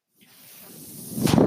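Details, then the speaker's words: A soft airflow hiss builds steadily and swells near the end as the speaker's own ventilator delivers a breath while they close their podcast: a mechanical ventilator breath cycle. "name is that noise ear he's my ventilator thank you for tuning in to page turners"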